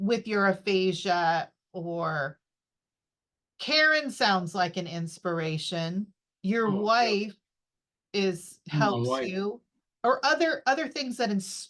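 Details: Adult interviewer; typical speech.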